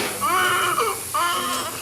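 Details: Newborn's first cries just after forceps-assisted delivery, two strong clear crying bursts; baby weighing 6 pounds 6 ounces, reported fine.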